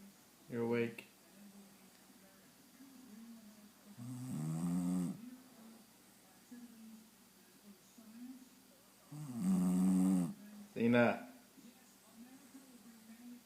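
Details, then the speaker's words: Bulldog (Xena) snoring in sleep: loud rattling snorts recurring about every five seconds over quiet breathing. "Cena. Cena. Why are you snoring?"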